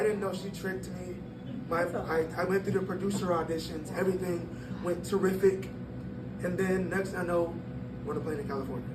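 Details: 22-year-old man born prematurely at about one pound, vocal cords still developing as he grew and still not closing all the way; glottal insufficiency (incomplete vocal fold closure).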